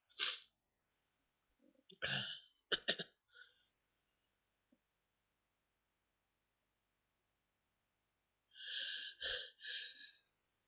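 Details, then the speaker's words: Early-morning sneezing bouts with watering eyes: several sharp sneezes in a quiet room, two close together and a final one after a pause. "I was just so sneezy this morning, and I thought I'd try to give you a few."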